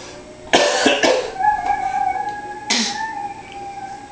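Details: Young child imitating a cough: two short voiced, tonal, playful cough-like bursts.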